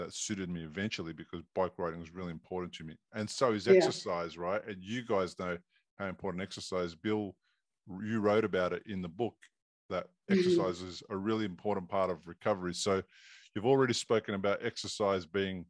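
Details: Adult men in conversation; no speech disorder.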